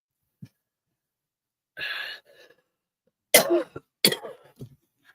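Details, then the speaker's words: Man who smokes says his throat is full of phlegm: a harsh throat-clearing rasp, then two forceful coughs in a quiet room, sounding like choking rather than a smoking cough. "Let me look at this because that doesn't sound like a smoking cough. It sounds like you're choking on something. No, it's like Well, my throat is full of fleg, I guess."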